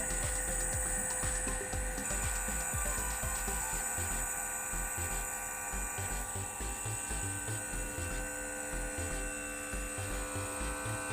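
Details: Nebulizer compressor running to deliver inhaled medication through a tracheostomy connection to a patient at home: steady mechanical hum and buzz, with background music.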